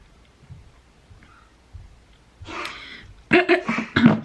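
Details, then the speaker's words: Dog coughing: a few quiet low sounds, then a burst of harsh, honking, hacking coughs. "Sorry if you can hear my dog coughing."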